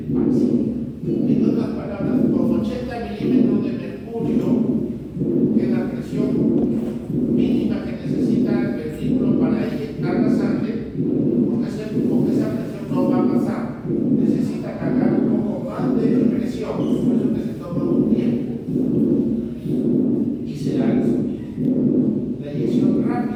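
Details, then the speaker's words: Aortic stenosis systolic ejection murmur: regular heartbeat near 61 a minute with a harsh crescendo-decrescendo systolic sound that rises to a peak then falls, described with a low pulse. "Ese es el sopro sistólico de la de la estenosis."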